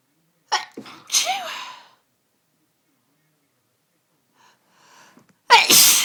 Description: captured some sunday evening sneeziness that has just overcome me in the last hour.....